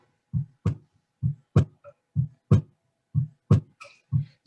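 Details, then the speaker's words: Simulated heart sounds from a Kyoto Kagaku training manikin played through an external speaker: regular paired lub-dub beats at about 62 a minute, the sound students auscultate with stethoscope. "this is the sound that is going on inside the thorax and what the students can hear with their stethoscope"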